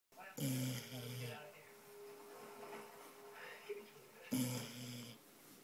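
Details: Snoring in a sleeping 10-month-old beagle: two loud rattling snores about four seconds apart, with quieter breathing between.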